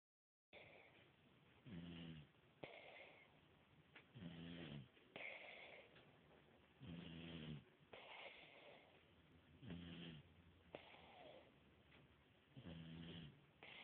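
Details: Soft, regular snoring at about 22 breaths a minute, each with a low buzzing rattle, over a steady background hum.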